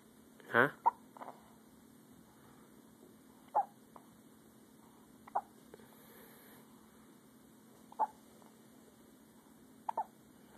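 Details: A baby's first hiccups: short, sharp, regularly spaced hiccup sounds, about five in ten seconds, over a faint steady room hum.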